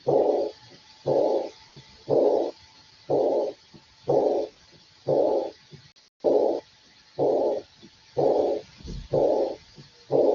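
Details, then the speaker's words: Aortic regurgitation, a diastolic murmur: regular blowing sounds at about 61 per minute, each roughly half a second long, with a faint steady hum behind. "Ahora vamos a escuchar el soplo de insuficiencia aórtica, ¿no? Vamos a escuchar la insuficiencia aórtica."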